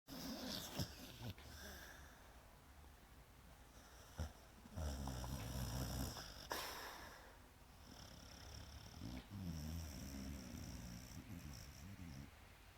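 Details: Female Pit Bull sleeping and snoring loudly: low rumbling snores with irregular breaths and some sharper snorts, ordinary dog snoring.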